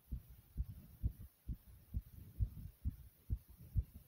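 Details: Fast, regular heartbeat at about 130 beats a minute with heavy breathing right after jumping in place; normal rise in heart rate after exercise.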